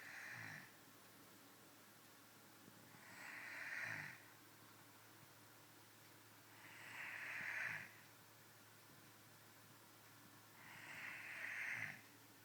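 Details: Adult woman snoring while asleep: soft, rasping snores on each breath in, about 16 breaths a minute, in a quiet room; ordinary snoring.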